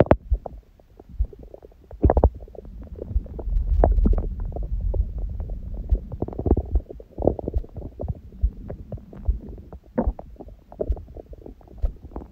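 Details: Own belly sounds after a large first meal of the day at 16:00, following water-only fasting since 19:00 the day before, and after abdominal exercise (raw-food diet): loud low gurgling and rumbling with irregular pops and squeaks; active bowel sounds.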